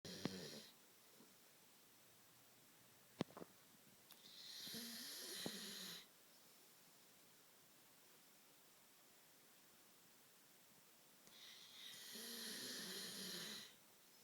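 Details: A sleeping Malinois dog snoring: two long, hissing, rattly breaths several seconds apart, about eight breaths a minute.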